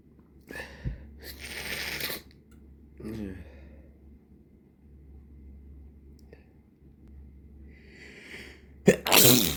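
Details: Suppressed, congested sneezing in an evening session after days of nasal irritation from irritants and a sore, rubbed nose: several stifled sneezes with sniffing between, then one fuller explosive sneeze at the end.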